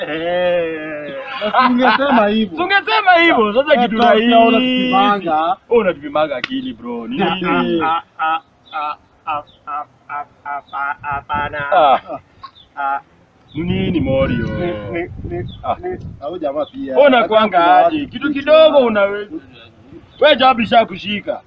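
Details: Acted stammering by a character in a comedy skit, with syllable repetitions; stuttering (acted).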